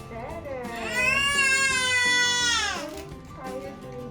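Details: Loud, sustained, high-pitched infant wail lasting about two seconds, between quieter fussing, with background music, from a baby with colic and constipation held chest to chest during a gentle chiropractic adjustment with an Arthrostim instrument.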